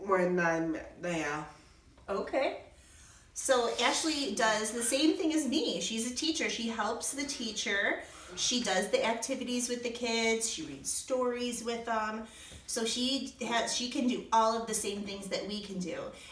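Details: Adult woman speaking; typical adult speech.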